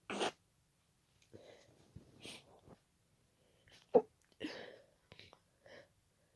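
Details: Night-time bout of repeated sharp, wet sneezes with indrawn breaths between, in a quiet room, in a person with congested nose, watery eyes and nasal tickling attributed to pollen allergy.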